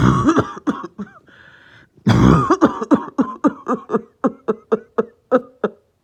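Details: Adult with a lingering cough that started last night, plus headache: repeated harsh coughs in quick runs, with a short pause and throat sound between.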